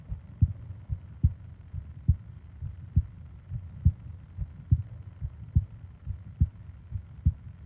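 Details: Heartbeat-and-breathing sleep ASMR recording: steady low thumping at about 70 beats per minute with soft breathing underneath; a normal heartbeat.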